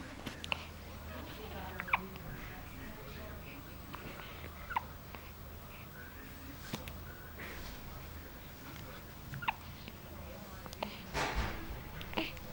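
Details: Nine-day-old boy and girl twins, born at 36+4 weeks, six sharp brief gulping clicks over about twelve seconds against low room hum; repeated hiccups.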